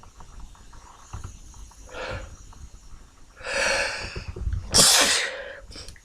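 Sniffling breaths building to two loud unstifled sneezes, the second louder, in a quiet room.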